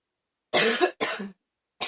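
Two harsh, forceful coughs in quick succession, with the start of a third, during a coughing fit.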